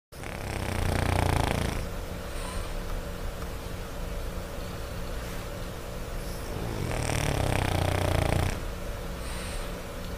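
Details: Small French Bulldog sleeping: two loud, low, rattling snores on the in-breath, several seconds apart, with quiet room noise between; typical flat-faced dog snoring.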